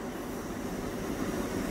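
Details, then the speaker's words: Demonstration of a Huger GVE 68Q video gastroscope connected to a Huger VIS 68 processor: a small suction machine is switched on, giving a steady low mechanical hum and hiss, and suction rises while the button is held. "Yeah, you can hear the suction pressure coming, and whenever you want suction, just press this button, press and hold this button, and the suction will increase."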